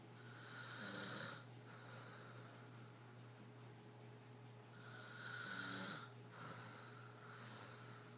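Two slow, breathy, hissing snores about five seconds apart over a steady hum, a soft snore during sleep.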